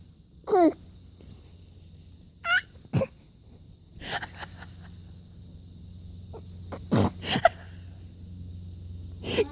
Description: 5 1/2 month old fake sneezing, cause well she thinks sneezes are funny!